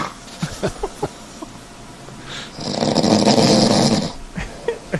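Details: One loud, harsh, rattling snore rising then fading, with faint clicks and breath noises; heavy adult male snoring recorded in a hotel room, compared with a CPAP user's snoring.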